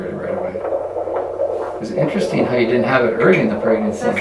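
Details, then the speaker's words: Irregular fetal heartbeat at 31 weeks of pregnancy, needing weekly OB visits to keep checking the baby's heart and a specialist referral. "esteemed babies harpy is still irregular we're gonna have to keep coming back every week to see the OB just to keep checking on his heart"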